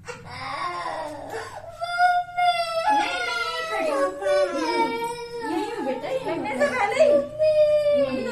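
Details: Child crying in pain from an injection: loud, high-pitched wailing bursts with sobbing breaths.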